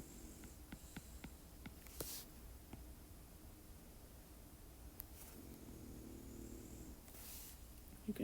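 Quiet, low rumbling breaths from a sleeping dog, with faint clicks and room noise in a small indoor space: dog snoring.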